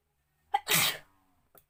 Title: Most requested sneezing challenge//requested video